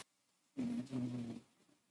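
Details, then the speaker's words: Dog snoring, lying right next to the streamer's microphone on a hot day during a live racing stream. "I don't know if you can hear that. That's my dog snoring. So, I was keeping my mic muted when you guys were talking to Postal because she's she's lying right next to me."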